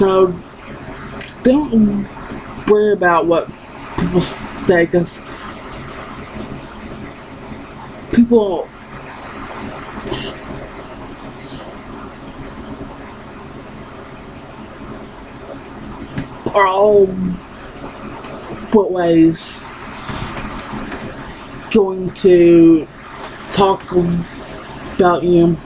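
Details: Woman who has stuttered her entire life and still stutters despite speech therapy; finding: stuttering.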